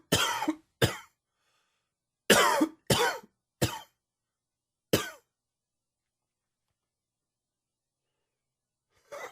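Six harsh dry coughs in an irregular fit, with quiet gaps between them; an allergy-triggered coughing fit.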